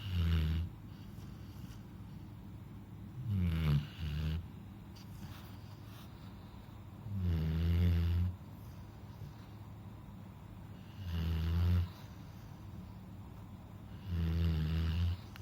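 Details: Deep, rattling snores from a Labrador, about every three to four seconds (roughly 16 a minute), over steady room hum; snoring.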